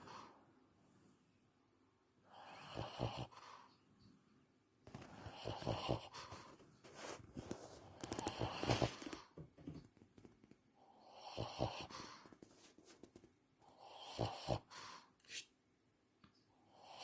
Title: Sounds like snoring but he is awake/ Breathing Issues /11 year old Shih Tzu